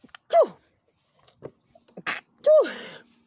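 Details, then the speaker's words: Two sharp sneezes from an adult, each a brief rising intake followed by an explosive burst, in a quiet room. "ben voilà. Écoute, j'éternue."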